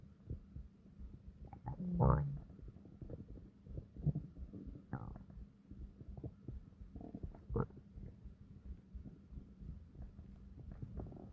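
Low gurgles and deep rumbling growls, with a louder drawn-out growl near the start, from ordinary bowel activity.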